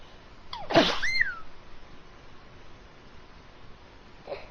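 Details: Cartoon-style imitation of how characters sneeze: a single sharp sneeze with a rising vocal tail, then quiet room noise.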